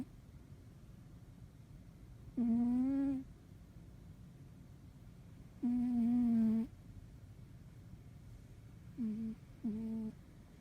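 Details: Soft, humming, tonal snores at irregular intervals from a sleeping pet cat, over steady room noise.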